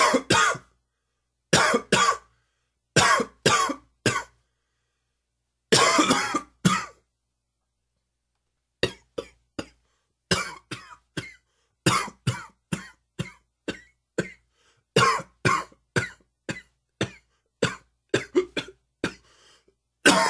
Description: Another little allergy cough for you. Dry and wheezy.